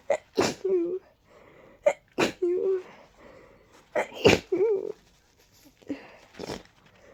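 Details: Four loud sneezes in quick succession, each with a sharp intake and voiced tail, from a person with allergies plus a cold, deep nasal tickle and a stuck sneeze; sneezing fit.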